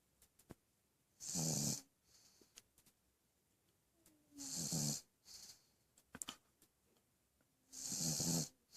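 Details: Snoring during sleep: short hissing, whistling snorts about every three seconds with soft clicks between, quiet room.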